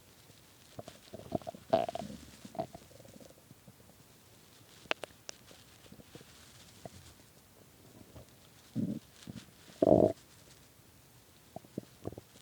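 Soft gurgles and a few louder rumbling bursts over a quiet background; hunger-related stomach growling, a normal bowel sound.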